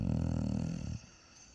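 One deep, rumbling, vibrating snore from a dog, then quiet; loud snoring.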